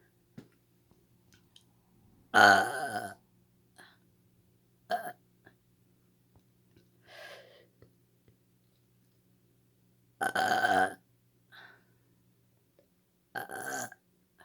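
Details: Voluntary burping on command by a girl: several loud, deliberate burps, two long and rumbling, with short quieter ones between them.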